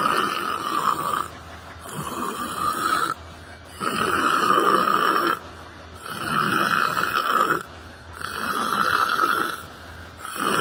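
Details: Person sleeping while sitting on a bench in a library: loud, harsh, regular snoring, roughly twelve breaths a minute, each a long rattling snore with brief quiet pauses. Snoring.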